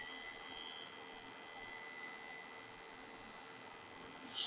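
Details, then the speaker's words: Biotronix 7 tesla magnetotherapy device (with class 3 laser) running in hand mode, SP mode automatic preset higher-frequency program F1–F2–F3, intensity 30; steady high-pitched electronic tone with gentle swells in loudness. "अब मैं hand mode में अगर इसको run करता हूं तो S की जो है हायर फ्रीक्वेंसी रेंज आपको एस। आप देख सकते हैं। लोअर फ्रीक्वेंसी रेंज आपने सुनी थी।"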